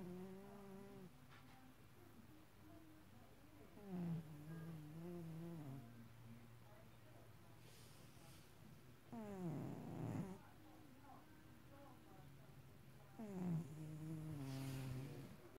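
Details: Three rumbling, vibrating snores with squeaky, whistling edges, roughly every four to five seconds; snoring.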